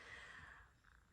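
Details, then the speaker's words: Woman's hunger stomach growl while talking: a brief, quiet, low gurgling rumble with a faint whining tone (borborygmi). "You can hear my stomach growling. I'm hungry."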